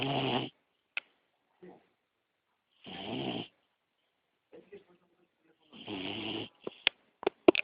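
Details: Sleeping beagle puppy: three rough, noisy breaths a few seconds apart with small squeaks and clicks between; puppy snoring.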